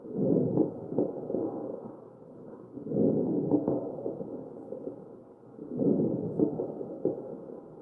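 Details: Crackles in a mechanically ventilated real patient's chest.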